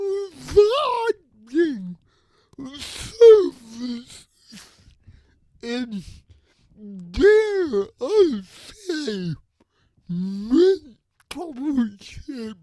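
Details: Adult with cerebral palsy who uses a wheelchair and walker and describes his own speech disability; his words are revoiced by another speaker; dysarthria (cerebral palsy).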